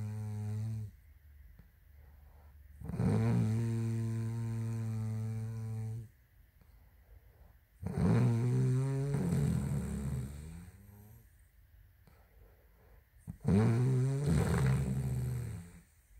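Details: Sleeping woman snoring: long, low, buzzing snores on each inhalation, about every five seconds, with quiet pauses between; snoring.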